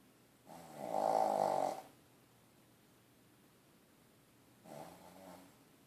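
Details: Dog sleeping in his crate: two slow, rumbling snores on breathing in, a long one then a shorter one, in a quiet room; ordinary snoring.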